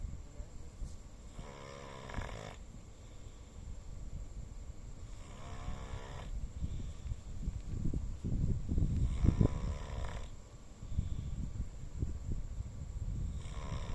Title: Dog Snoring loudly 😪💤😴